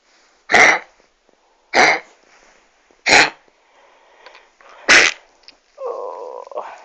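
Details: Dog with kennel cough, tail wagging, gives four harsh, dry hacking coughs in a row in the early morning.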